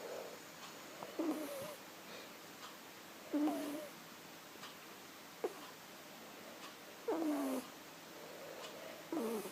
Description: Its a very loud snore for such a little kitten, we can often hear her over the TV or radio but each time we go to video her, our movement wakes her up.